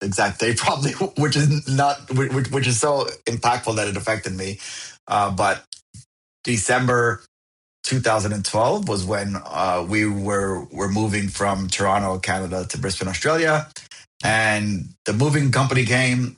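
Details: Adult man who has stuttered since he could talk, now an overt stutterer, with blocks that bounce, slide or are silent; found a stuttering support group at 28; audible repetitions; stuttering.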